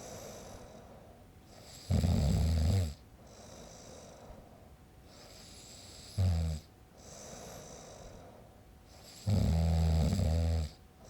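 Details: Man snoring, sound-effect recording made with a Zoom H5 recorder: deep, rattling snores on the in-breath, three in eleven seconds, with quiet breathing between; heavy snoring.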